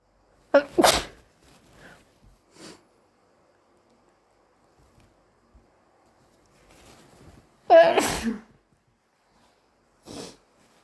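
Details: Two loud sneezes, possibly allergy-induced, each a sharp intake and explosive burst, followed by small sniffs and breaths in a quiet room.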